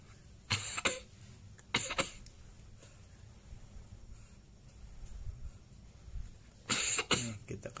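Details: Young child, one of two siblings sick for several days with cough and cold, coughs in short paired bursts, three bouts of about two coughs each, in a quiet room; wet-sounding cough.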